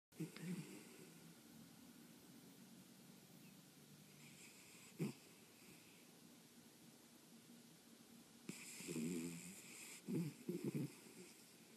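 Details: Soft, irregular snoring with a few louder rattling snorts over quiet room noise.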